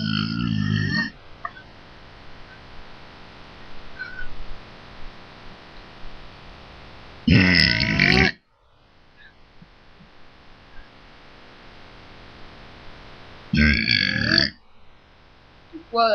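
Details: Girl burping: three loud, drawn-out, rumbling belches separated by quiet room noise.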